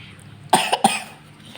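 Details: Sick child with a cold, cough and vomiting: two short, sharp coughs in a quiet room.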